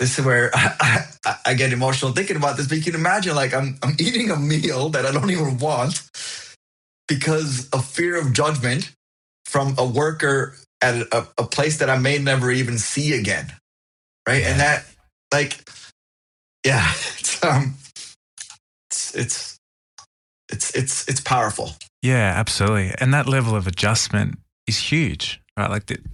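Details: Adult man who stutters; found a stuttering support group at 28; audible repetitions; stuttering.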